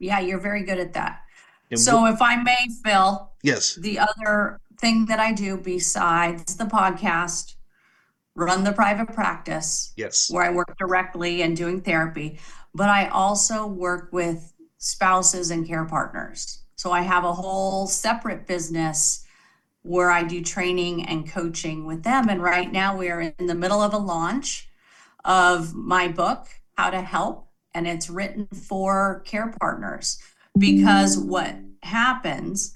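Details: Adult woman speaking; normal speech.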